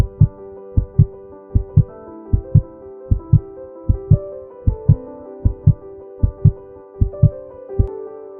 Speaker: heart sounds are created from blood flowing through the heart chambers as the cardiac valves open and close during the cardiac cycle